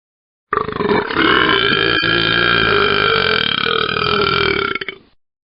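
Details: Royalty-free burp sound-effect recording from a compilation: one long, loud, rumbling belch lasting over four seconds with a steady throaty tone.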